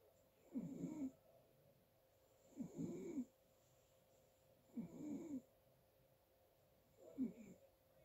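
Four rattling snores at about 27 breaths a minute, recorded quietly at night.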